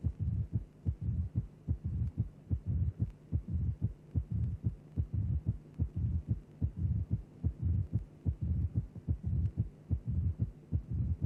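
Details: Simulated mid-diastolic murmur of mild mitral stenosis from a cardiac auscultation teaching programme, at about 73 a minute: a low rumbling murmur in mid-diastole, separated from the heart sounds by gaps, following the left atrial–ventricular pressure gradient.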